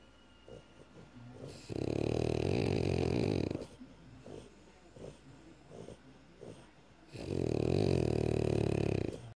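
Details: Sleeping French Bulldog gives two long, loud, rattling snores about two seconds each, with softer snuffling breaths between; loud snoring.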